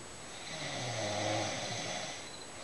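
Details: Mother snoring at 6:40 in the early morning in a dark room: a single loud, rough, rattling snore on a breath in.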